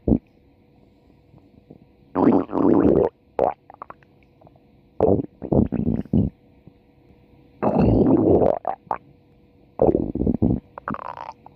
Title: stomach growling for 4 minutes